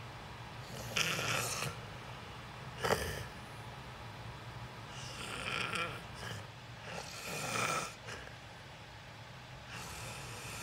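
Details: Irregular, breathy snoring with short snorts over steady room hiss, recorded while the creator sleeps; snoring during sleep.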